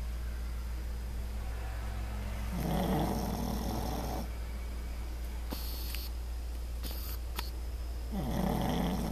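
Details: Pug sleeping on his back, heard every morning; loud, rough snoring noises on inspiration from a small flat-faced dog over steady low room hum; snoring.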